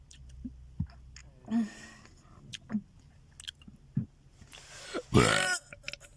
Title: Burping before 2021